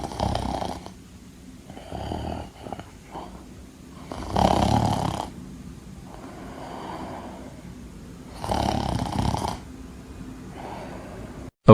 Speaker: oh my gosh evil 69 how dare you play Number Block 79 snoring effect through the intercom you know very well it's irritating them